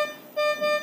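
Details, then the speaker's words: Mindray SK-600 infusion pump started without a drip set loaded: clear repeating electronic alarm tones with warning light, a tube error alarm. "if there was a drip set this this this alarm is an alarm that shows you that there is no"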